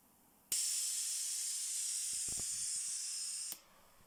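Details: Pressure testing of a low-cost Covid-19 mechanical ventilator prototype: steady three-second hiss of pressurized air switched sharply on and off by a pneumatic valve.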